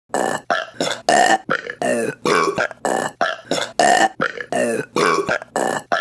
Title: Burping Compilation March 2025 #1 | RBC